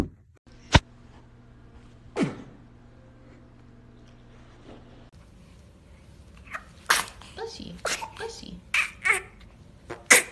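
A sharp little infant sneeze, then a second softer one, with adult laughter and chatter afterward in a quiet room.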